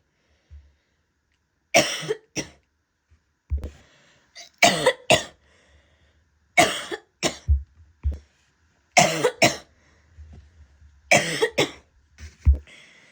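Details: Harsh, loud coughs in repeated pairs from an adult woman, with a barking quality; barking cough.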